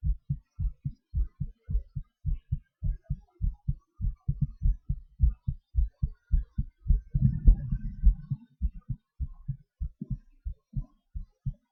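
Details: Self-recorded heartbeat during breath-holds and panting/hyperventilation: regular, low thumping near 100 a minute, briefly masked by a breathy rush, pace shifting slightly; normal heart sounds with rate changes.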